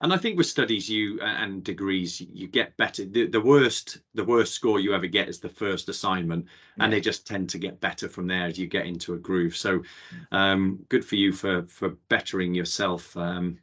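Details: Adult male speaker; normal conversational speech.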